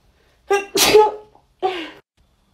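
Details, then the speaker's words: A woman's Covid-19 nasal swab self-test: a quick indrawn breath, then two sharp, explosive sneezes set off by the swab. "um thank you i just sneezed twice hold on it snows i can't anymore"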